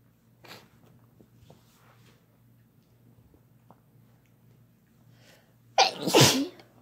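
One loud, explosive sneeze with a sharp intake before it, after a quiet stretch with faint room sounds. An ordinary sneeze.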